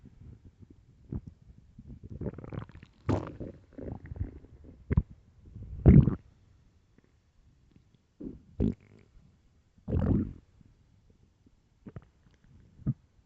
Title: extreamy loud empty deep stomach growls part 3